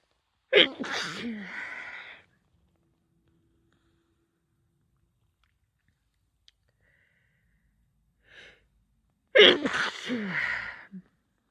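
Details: Person with a cold over several days: two forceful sneezes, each with a sharp intake and explosive release, separated by quiet and a soft sniff.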